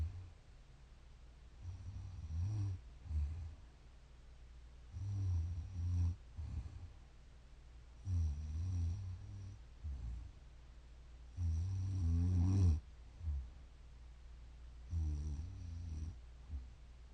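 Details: Sleeping 31-year-old woman: low, rattling snores with each breath, about 18 breaths a minute, snoring.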